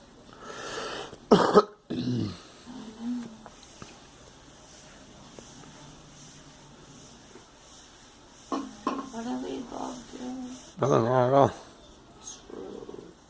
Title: Girl coughing